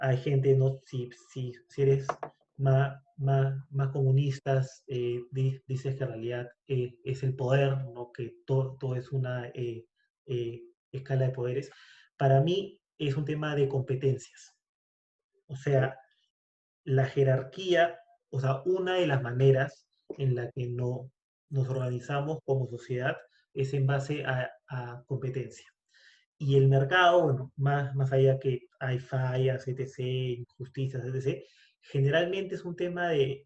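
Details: Adult man who says he stutters, speaking Spanish in a conversation between two people who stutter. Stuttering.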